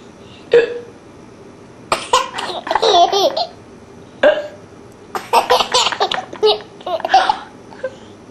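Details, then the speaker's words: Young girl (Maddie) hiccuping while playing and blowing bubbles with mom, amid laughter; hiccups. "pop you have the hiccups"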